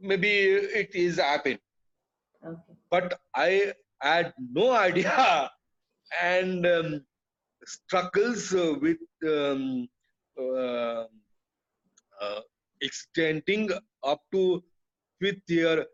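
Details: Adult man with aphasia after a haemorrhagic (burst) stroke that hit his speech centre; he was told he would never speak again; he relearned speech through years of speech therapy, and aphasia persists.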